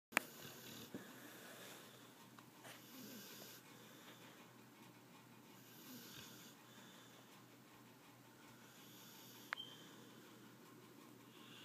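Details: Overweight dog snoring while asleep: soft, airy breaths with a faint wheezy noise on each breath, in a quiet room.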